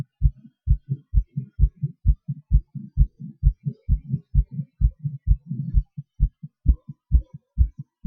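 Strong, regular lub-dub heartbeats about 65 a minute, spacing shifting slightly; normal heart sounds with rate changes during breath-holding and panting.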